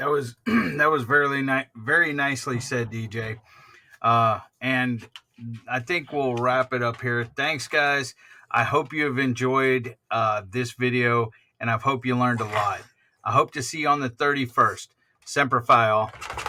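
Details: Adult man; typical speech.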